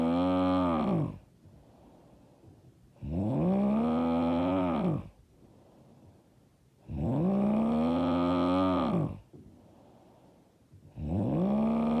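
Loud, rough, voiced snores on each breath in, about 15 a minute, with quiet breathing out between them: heavy snoring.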